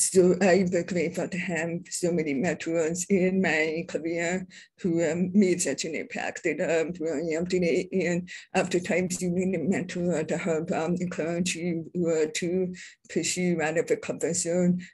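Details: Adult deaf speaker, self-identified as a deaf person with a deaf accent, speaking at a public presentation; deaf speech (deaf accent).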